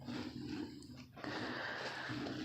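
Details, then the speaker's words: Dog with a recurring cough that went away on medicine and then came back: rough, harsh bursts of coughing in two spells in a small room. "hey there goes like it as you can hear my dog has a cough and we'll take her like we're taking for the vet"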